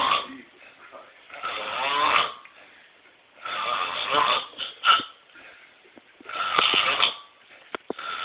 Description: This is how a real man snore